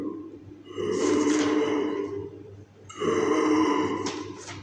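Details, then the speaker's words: Two long, harsh, high-pitched inspiratory noises about two seconds each, heard in a teaching example of acute respiratory infection in young children (croup): inspiratory stridor. "Y piensen en esto. El estridor. Van a escuchar el sonido del estridor largo."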